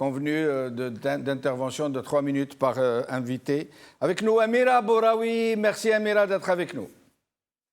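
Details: Adult male speaker; normal speech.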